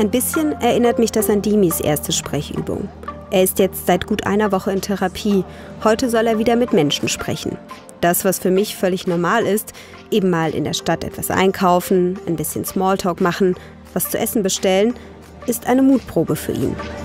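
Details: Adult female narrator; normal speech.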